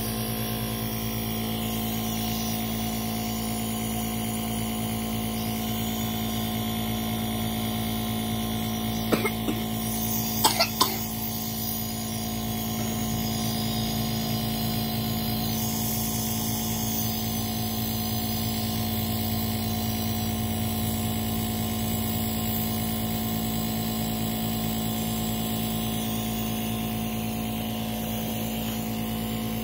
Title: asthma attack, nebulizer time